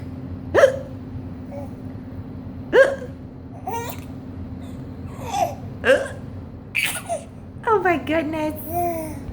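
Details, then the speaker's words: Mother with hiccups: sharp, abrupt voiced catches every couple of seconds between a child's laughing and babbling, with steady background hum; hiccups. "Does mommy have the hiccups?"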